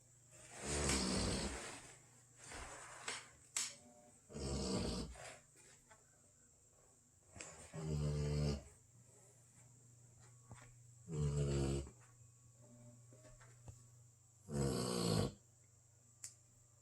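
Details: Basset hound snoring during sleep: regular rattling snores on each breath, about 17 a minute, with quiet gaps between and a faint steady hum behind.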